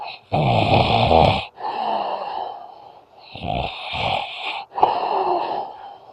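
Rough, rattling snores in irregular bursts with noisy breathing between them: snoring.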